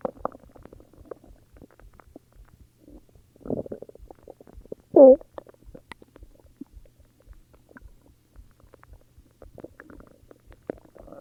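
Soft gurgles and one brief squeaky growl from the belly against a quiet background, ordinary stomach growling.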